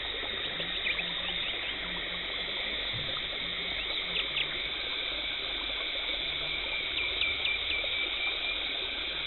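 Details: Dental hygienist performing a professional teeth cleaning, removing tartar and plaque, no talking: steady high hiss and gurgling suction with faint scraping squeaks; dental cleaning instruments (scaler, water spray and suction).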